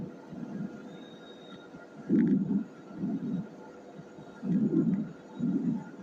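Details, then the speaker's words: Normal vesicular breath sounds on auscultation: soft, low-pitched rustling breaths, inspiration longer and louder than the brief expiration. "Normal sound जो होता है है वह वेस्टिकर thing sound है जो normal sound है उसका जो पीच होता है व लो होता है"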